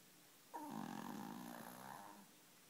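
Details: A single long, rough, growly breath sound lasting about two seconds; a mighty, loud snore.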